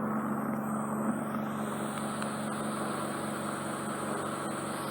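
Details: Woman with soft wax occluding her right ear, a past grommet, and a week of softening drops: a steady, loud hissing roar of suction with faint crackling as wax is drawn from the canal; ear wax microsuction.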